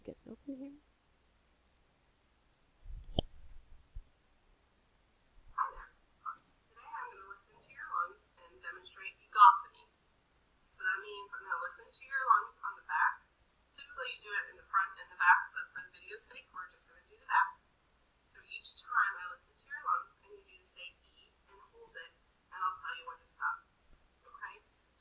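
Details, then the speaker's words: Egophony test: muffled, repeated voiced sounds heard through a stethoscope on direct skin contact as the patient says "E"; an E sounding like "A" suggests lung consolidation. "have the patient's AE while listening if the e sounds more like an A then the healthcare professional should be concerned for consolidation"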